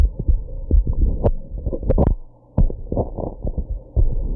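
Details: Heartbeat after drinking alcohol and smoking: strong, low thuds with a few sharp, sudden jolts from hiccups; otherwise an ordinary heartbeat.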